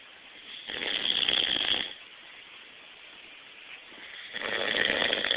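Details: Loud snoring: two harsh, rattling snoring breaths separated by a quiet pause.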